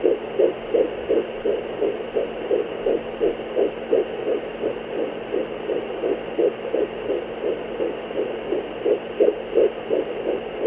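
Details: Fetal heartbeat on Doppler: rapid, regular whooshing gallop at about 160 beats per minute over a steady hum.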